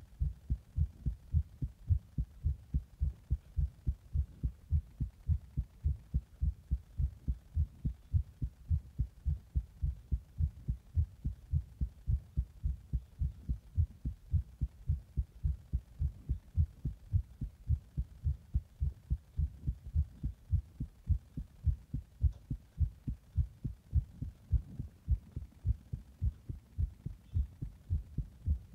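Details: Heart after drinking a Monster energy drink in the bath and then compression: strong, regular low heart thumps at about 105 beats a minute, mildly fast.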